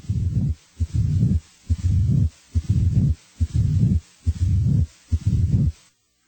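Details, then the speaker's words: Late diastolic (presystolic) murmur, as heard in mitral stenosis: regular heartbeat near 70 a minute with a low rumbling murmur starting late in diastole and continuing up to S1. "a late diastolic murmur as heard with microst stenosis starts late in diastole and typically continues up to"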